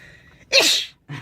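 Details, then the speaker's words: Simulated sneeze deliberately faked by a young boy: a single sharp, hissing sneeze-like burst, made by saying 'ish' faster and louder, with faint room noise. "so first what's the word what what makes what makes the sound for the sneeze yes ish ish ish make that sound yes do it again yes and then you just speed it up make it faster eat and make it louder yes"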